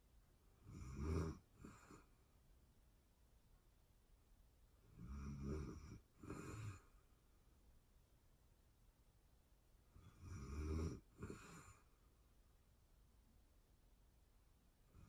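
Quiet, low, rattling snores, some with a double catch, recur about every five seconds over a steady background hiss. Ordinary sleep snoring.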